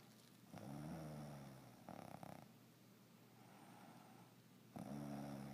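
Two low, rough rattling breath sounds a few seconds apart, with a brief fluttering burst between them in a quiet room: snoring.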